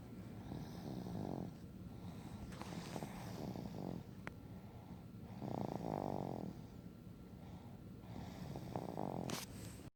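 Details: Loud, rattling snores in repeated bursts, about four in ten seconds, with rough fluttering on each breath; ordinary snoring.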